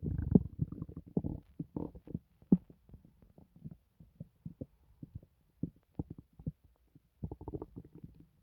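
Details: Loud, painless stomach noises: irregular low gurgles, bubbling pops and rumbling grumbles in clustered bursts with brief quiet gaps; active bowel sounds (borborygmi).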